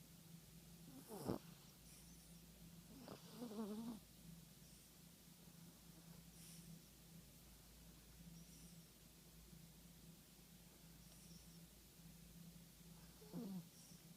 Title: Snoring Yorkie